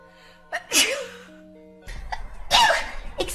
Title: Girls Sneezing vs Boys Sneezing #4 😂 Funny Memes 😂